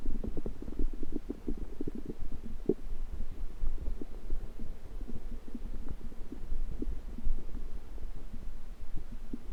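Low, continuous gurgling and irregular rumbling throughout, typical of ordinary stomach and bowel noises from gas and fluid moving in the gut.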